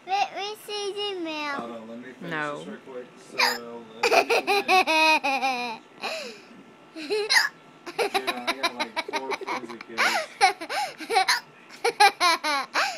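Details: Young child with hiccups: laughing and babbling broken by sharp, sudden vocal catches.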